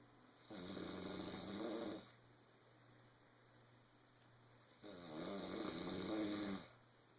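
Two long, rough, rattling snores about three seconds apart, with steady room hum between them; ordinary snoring.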